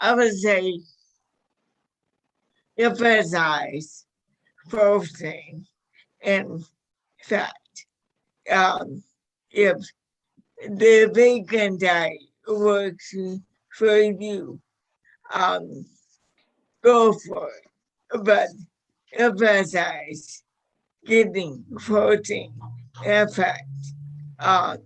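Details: Dysarthria in a 61-year-old woman with motor neuron disease diagnosed five years earlier; severity varies from day to day.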